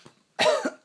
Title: My baby always laughing when i got cough